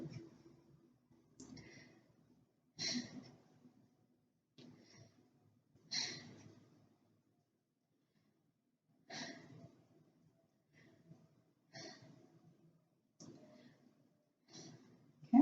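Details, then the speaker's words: Head-to-toe nursing assessment, lungs auscultated over eight anterior chest points while the patient takes a deep breath at each: a series of deep, airy breaths with quiet pauses between; normal breathing. "okay what sounds great"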